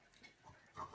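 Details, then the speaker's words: Soft, pig-like nasal snorts and grunts in quick bursts from the owner's French bulldogs and pugs, flat-faced dogs that snore and sniff, in the background. "Alors, si vous entendez des petits ronflements derrière moi, autour de moi, ne vous inquiétez pas. Ce sont mes chiens parce que j'ai des bulldogs français et des carlins."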